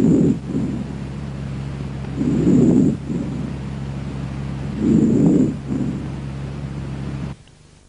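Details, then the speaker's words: Soft, low rustling breath sounds rising and fading with each breath, heard on chest auscultation as a normal finding: normal vesicular breath sounds (vesicular murmur). "entre los hallazgos normales se ausculta el soplo respiración laringotraqueobronquitis y la respiración o murmullo bronco vesicular o no o no o no el murmullo vesicular"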